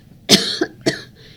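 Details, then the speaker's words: A laryngologist demonstrates a normal forceful voluntary cough, contrasting it with vocal cord paralysis: a strong, sharp cough in two quick bursts showing normal forceful glottic closure. "And then when I ask them to generate a cough, I'll demonstrate and go"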